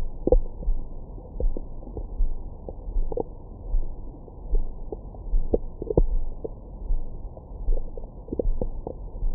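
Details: Recorded with a Stemoscope stethoscope microphone on the belly after a large meal: low gurgles, rumbles and brief squeaks, normal bowel sounds of stomach growling.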